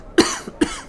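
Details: Two short, sharp adult coughs about half a second apart from a gamer whose cough has persisted about a month after a cold despite doctor-prescribed medicine; persistent cough.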